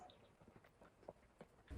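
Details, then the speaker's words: Adult with retrograde cricopharyngeal dysfunction (no-burp), unable to burp for 21 years, making quiet, irregular low frog-like croaking pops from the throat: throat gurgling. "the symptoms of noburp are 1. Inability to burp, socially awkward gurgling noises that sound like frogs."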